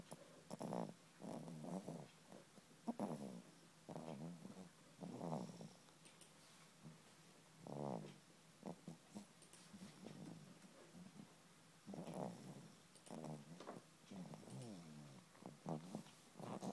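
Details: Soft, irregular snuffling snores with a low rumble, about 25 a minute, from a sleeping young animal exactly four months old; snoring.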